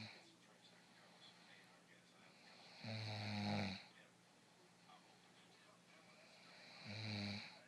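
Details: Two loud, rumbling snores about four seconds apart over faint room noise; a sleeping person snoring while feeling sick.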